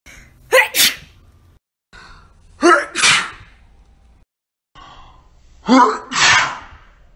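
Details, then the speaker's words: Three sneezes from a woman who calls it an ugly sneeze face, each a short in-breath then a sharp explosive burst, about every two to three seconds; sneezing. "face [Applause] ew i'm such an ugly sneeze face"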